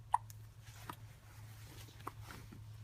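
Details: Hiccups in a child: three brief, abrupt hiccup sounds spaced irregularly over a few seconds, over a steady low room hum.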